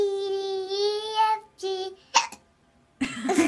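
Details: Child singing the ABCs with hiccups: sung notes broken by a sudden sharp gulping catch of breath.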